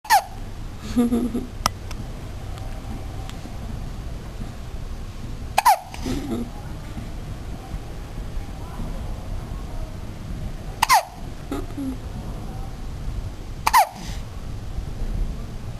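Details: One-month-old infant after a feed: four sharp, abrupt hiccups spaced a few seconds apart, with faint infant vocal sounds between them over steady room noise; infant hiccups.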